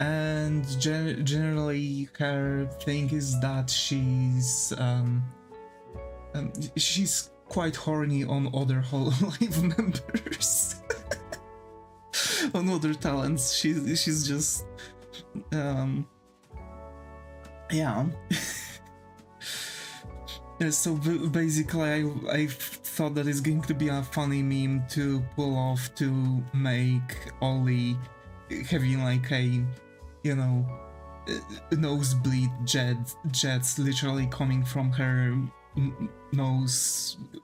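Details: Male streamer with long-standing stuttering, never seen by a specialist; he says he mostly grew out of it and thinks it was most likely caused by stress.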